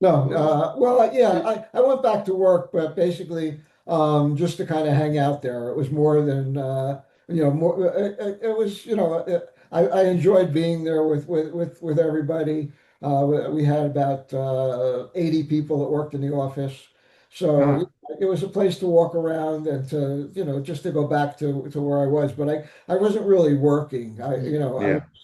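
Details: Adult man, stroke survivor, with aphasia affecting speaking, reading and writing; aphasia (mild, non-fluent features).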